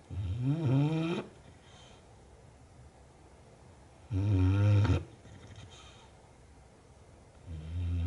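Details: Low, buzzing snores on each breath in, about 16 breaths a minute, with soft breathing out between: snoring during sleep.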